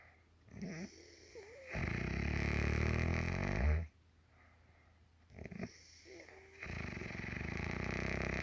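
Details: Mother snoring in sleep: loud, rough snores with quiet pauses between long snores.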